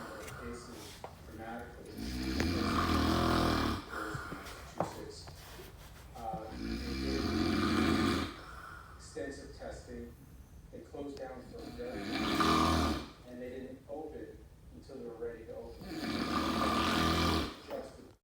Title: Loudest Snoring Ever!!!